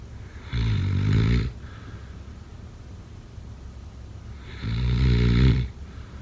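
Two loud, deep, rattling snores on in-breaths, roughly 14 a minute, with quiet breathing between: snoring.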